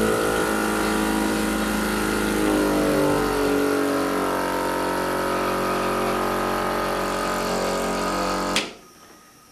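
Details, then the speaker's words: Portable home suction machine (AC and battery operated) switched on briefly for demonstration by a respiratory therapist: steady loud motor hum with slowly shifting pitch as suction builds, then abrupt stop. "i'm going to turn this on for just a minute and then show you"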